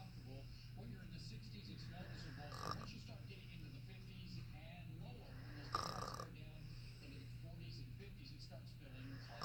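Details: Cute little snoring sounds.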